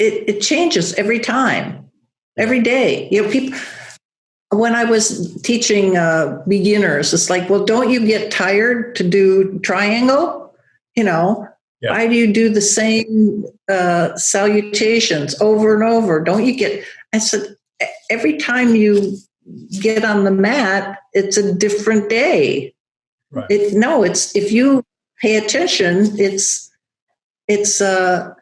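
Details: Adult woman with aphasia after a large stroke affecting Broca's area, with ongoing word-finding trouble and halting speech; aphasia.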